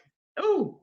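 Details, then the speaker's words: A single short, muffled, voiced bark-like burst from an adult who deliberately holds the sneeze back with the mouth closed, making it sound like a dog; a stifled sneeze. "excuse me the reason why I sound like a dog a German Shepherd when I sneeze is to prevent me from sneezing out so I kind of buffer my sneeze"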